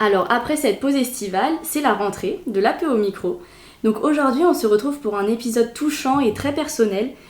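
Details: Adult female podcast host; normal voice.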